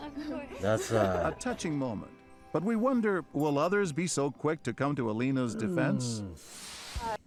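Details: Adult male narrator; normal speech.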